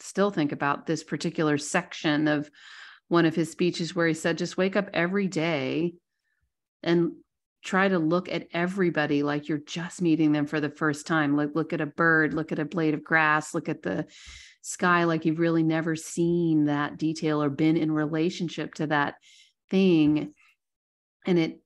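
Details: Adult woman speaking; ordinary speech.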